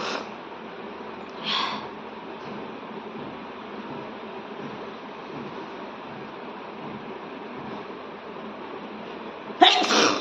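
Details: Woman doing a sneezing challenge, sneezes induced by tickling the nose with paper; a brief sniff, then a sudden sneeze burst, over soft background music and room noise.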